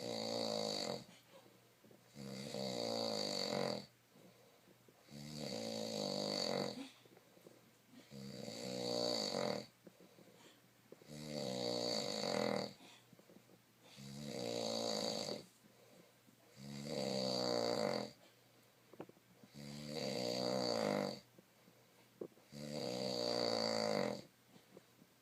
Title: He snores